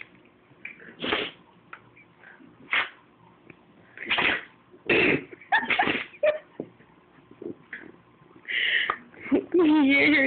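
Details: A bout of repeated sneezing: short, sharp nasal bursts in quick succession, with whining near the end.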